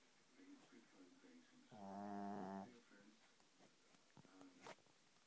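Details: A sleeping Shih Tzu dog snores: one loud, tonal, whistling snore lasting about a second, with softer snuffly breaths before and after.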